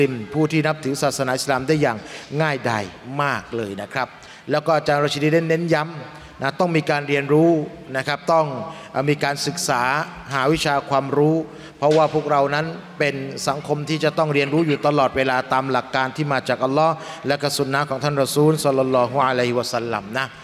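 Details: Adult man speaking Thai; Normal adult male speech.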